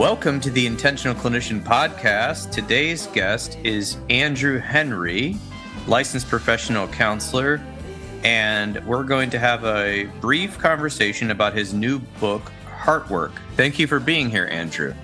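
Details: Adult male speaker; normal speech.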